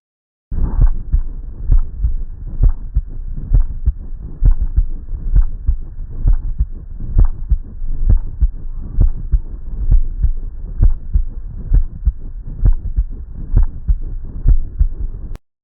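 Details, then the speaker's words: Regular heartbeat near 66 per minute with a continuous harsh, scratchy rubbing noise between beats; teaching example of a pericardial friction rub. "이렇게 심장박동 사이사이에 계속적으로 지속적으로 뭔가 비비는 소리처럼 들리는 잡음이 들리는 게 럽 사운드고요."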